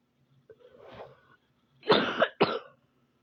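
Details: Soft throaty sound followed by two short, dry coughs in a quiet room; self-described preppy coughs; cough.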